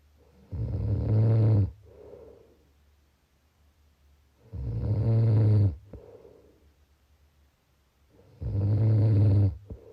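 Loud, low rumbling snores on each breath in, about 15 a minute, with quiet breaths out: steady snoring.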